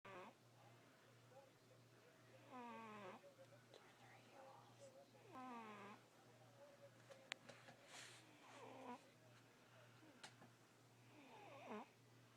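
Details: Snoring: soft nasal snores with a whistling tone, about four breaths spaced several seconds apart, over a steady low hum.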